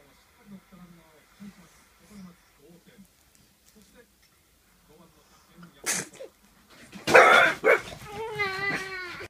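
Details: French Bulldog Tetsusaburo: soft infant babbling, then the dog's sharp, explosive sneeze bursts followed by a brief whiny vocal sound; dog sneezing.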